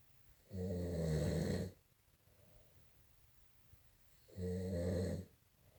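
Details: Two loud, rough inspiratory snores from a sleeping man, about four seconds apart, with quiet exhalations between; snoring.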